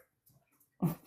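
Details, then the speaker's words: A dog snoring: faint breathing ending in one loud, low, rough snort. "you can hear my dog snoring I apologize he's doing something he's doing the most back here"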